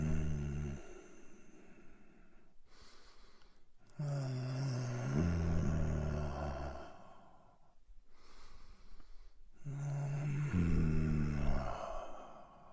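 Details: Sound effect of a sick-sounding man: three slow, heavy breaths with low, rattling, voiced snore-like tones on inhaling and exhaling; snoring with heavy breathing.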